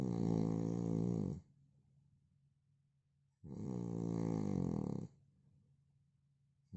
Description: Original sound of man snoring...